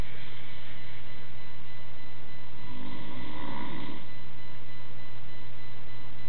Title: My Dad Snoring [Part 2]